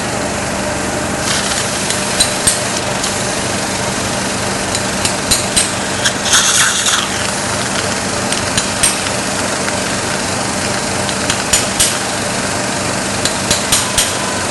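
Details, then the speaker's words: Mallet knocking a basal (BOI) implant into the mandible, 3 mm of bone above the mental foramen, disc about 1.5 mm below the ridge crest: sharp metallic taps in small irregular groups over suction hiss, giving rigid fixation. "nd o is just like a small chisel and I will use the Mallet to beat the implant inside and my disc is only about 1 and 1/2 mm below the Cur of the ridge that is enough trust me"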